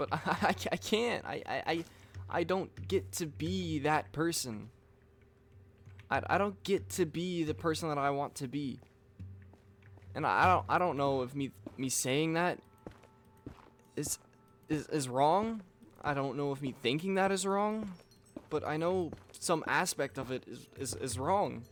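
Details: Adult man with self-reported stuttering: frequent word and part-word repetitions, especially on "I", and repeating the same phrases over and over.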